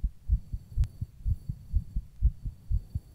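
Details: Rapid low thuds at roughly 125 beats per minute, recorded while rebreathing in a plastic bag; fast heartbeat.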